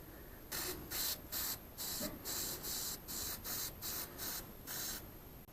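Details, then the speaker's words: About ten short hissing bursts of antibiotic spray applied to a ewe's hooves after foot trimming, during lambing on a South Wales sheep farm. "Then she looks at the ewe's hooves and sees if there's any infection. No, it's some antibiotic spray."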